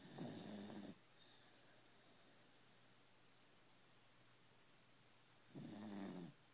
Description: My 14 year old JRT snoring.